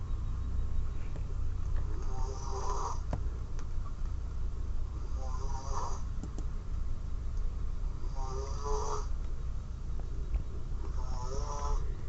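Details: Man asleep while watching a movie over Google Chat, recorded through the call: four buzzy, rattling snores about three seconds apart, roughly 20 breaths a minute, over steady line hum; regular snoring.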